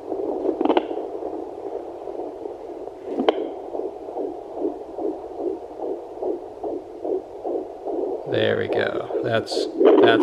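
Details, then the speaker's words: Fetal heartbeat at 17 weeks 5 days of pregnancy on a Sonoline B home Doppler: rapid, regular whooshing pulses at about 152 beats per minute, with brief voices and probe scrapes. "see i found baby right here in just a second i got 152 beats per minute which is a good healthy heart rate for a baby"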